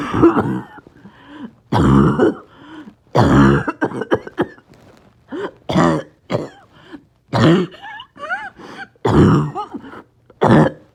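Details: Back-to-back spells of harsh, barking coughs with strained gasps between them. Coughing spasm in COPD with low oxygen and extreme shortness of breath.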